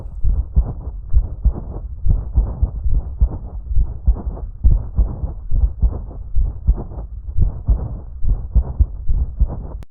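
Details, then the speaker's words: Pericardial friction rub in acute pericarditis, heard at the left lower parasternal area with the patient leaning forward: scratchy, grating sounds repeating with each heartbeat. "It is the area of a heart which is not covered by lung, so we can hear the pericardial rub in the bare area of a heart. You guys can hear the pericardial rub"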